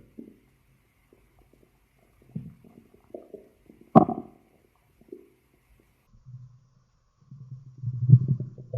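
Scattered low gurgles and a longer deep rumbling growl near the end, typical stomach growling from gas and fluid moving through the gut.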